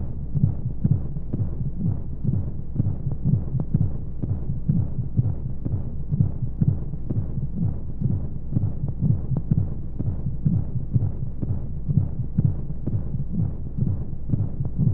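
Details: Womb-sound sleep aid for babies: muffled rhythmic whooshing pulse beneath steady rushing white noise; heartbeat as heard inside the womb.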